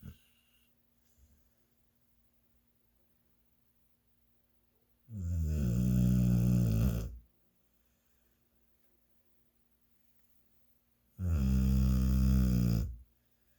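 Loud, deep, rattling snores on two breaths in, each about two seconds long, with silent pauses of roughly four seconds between them.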